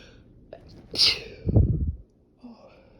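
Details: A single violent sneeze, a sharp hissing intake and burst then a low forceful exhalation, during a productive sneezing fit.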